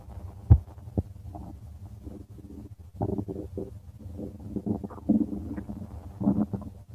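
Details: Stomach rumbling from a subject: low gurgling and rumbling abdominal noises with a few sharper pops, ordinary bowel sounds.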